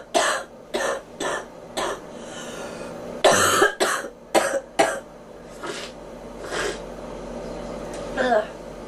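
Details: Girl coughing, who then complains her ears are popping: about ten short, harsh coughs in clusters over nine seconds, with softer throat-clearing sounds; repeated cough.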